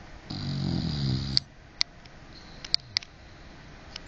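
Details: 12-year-old English bulldog snoring with tongue rolling: one loud rattling snore, then quiet breathing with wet clicking mouth sounds.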